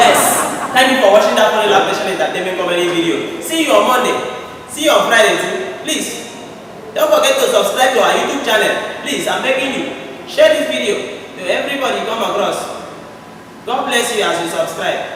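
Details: Adult male speaker; normal speech.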